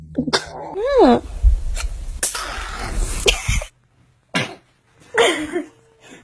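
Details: Babies sneezing: a short high squeal followed by sharp bursts of air, with adult laughter around them; sneeze.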